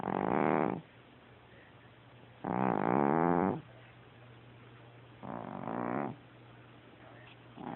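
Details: Very loud snoring: rattling, growl-like snores on each breath, about three in eight seconds, with a steady room hum behind.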